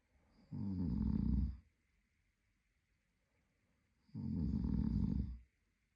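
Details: Adult male sleeping: two loud, low rattling snores about four seconds apart, quiet between them; ordinary sleep snoring.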